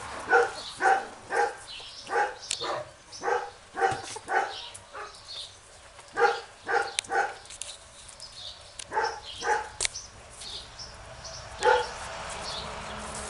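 Dogs make short, squeaky, whistling breath sounds in irregular bursts, roughly two a second: wheezing from narrowed airways.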